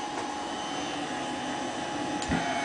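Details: 7-year-old boy with a stuffy nose clearing nasal secretions with a Cough Assist mechanical insufflator-exsufflator set to manual mode at a preset pressure of 40, pressing the exhale button; steady blower-like hum with a brief thump near the end.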